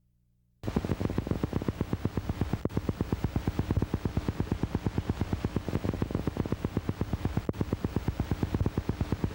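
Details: Needle EMG teaching example: rapid train of dull, regular thuds; positive sharp waves, clinically equivalent to fibrillations.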